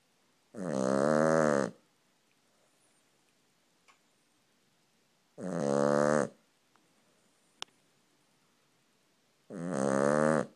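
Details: Cavalier King Charles Spaniel asleep on the owner's leg, with three loud groaning snores about four seconds apart, around 14 a minute, and quiet breathing between; snoring.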